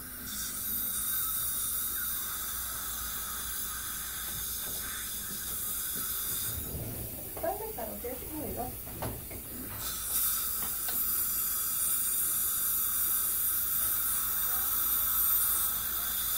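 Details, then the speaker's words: Steady high hiss with water spray and suction, briefly interrupted: an ultrasonic scaler (Cavitron) run along the gums and between the teeth of a volunteer during a demonstration cleaning, with no scraping sounds. "it vibrates a little bit it makes a little bit of a noise but it's not making that scraping noise along your teeth which is nice"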